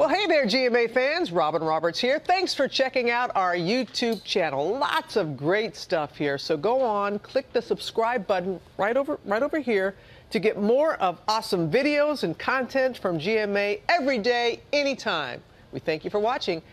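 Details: Adult woman speaking; no disorder.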